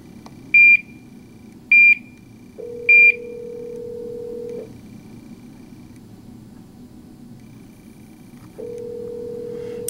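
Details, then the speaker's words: Patient-controlled analgesia (PCA) infusion pump switched on after its tubing cassette is loaded and locked: three sets of sharp double beeps, then a longer, lower steady tone. "Lock it so it's not going to open. Then you're going to uh push the on button."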